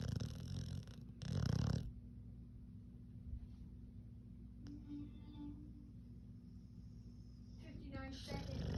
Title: Snoring pitty